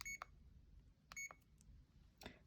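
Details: Short high electronic keypad beeps in a quiet room from a CADD infusion pump being programmed in PCA mode for a morphine or midazolam cassette, while the unlock code is entered to start a new-patient protocol.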